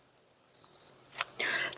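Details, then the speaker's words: Single short high-pitched beep of a Braun forehead thermometer marking a finished reading at home, followed by faint handling noise; reading about 96.9 °F. "here is the button on the Bron where if you don't want to hear it beep you're going to turn it down"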